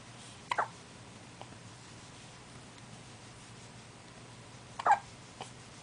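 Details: First baby's hiccups: two soft, abrupt infant hiccups about four seconds apart in a quiet room.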